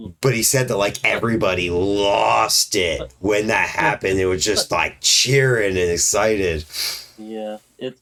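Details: Adult male speaker; typical speech.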